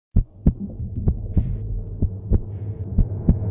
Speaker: this is the first sound the sound that connects you to one of the most important people in your life calming comforting